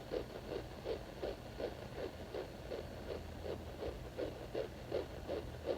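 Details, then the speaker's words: Fetal heartbeat found with a home Doppler at exactly 8 weeks in a third pregnancy; faint, rapid, rhythmic whooshing pulses, about 160 a minute, under steady hiss, too faint for the Doppler to display a rate. "I'm going to insert a video of me finding your heartbeat right here so I can prove it this is it exactly eight weeks"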